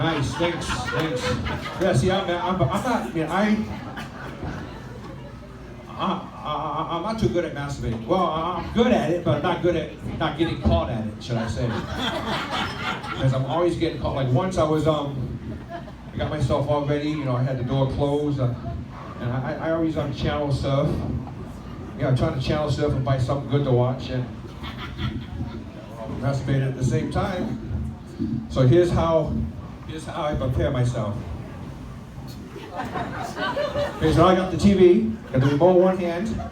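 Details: Male stand-up comedian who stutters, performing live; he says his stuttering sometimes lessens when speaking on a microphone: stuttering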